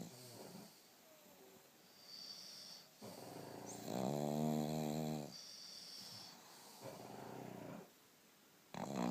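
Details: A pug sleeping with her eyes open and snoring very loudly: loud, rattling, buzzy sleep breaths with snorts and whistling tones, heavy snoring in a flat-faced dog.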